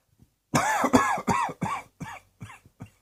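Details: A rapid run of about seven voiced coughs, loud at first and fading toward the end: repeated coughing.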